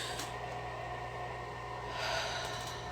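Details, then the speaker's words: Woman six weeks postpartum with double-lung pneumonia and chest constriction on exertion breathes noisily and roughly with a snort-like catch from chest congestion and phlegm: congested breathing. "And if you can hear the like congestion and like phlegm that I have or whatever,"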